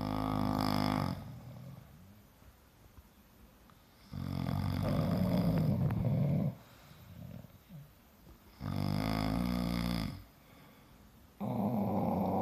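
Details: Bulldog and owner sleeping and snoring in unison: loud, rattling snores, three long noisy breaths with quieter pauses between, about 14 breaths a minute.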